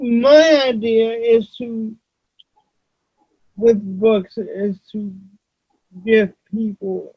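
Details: Adult man with cerebral palsy, whose voice voice-recognition software often fails to understand; dysarthria (cerebral palsy).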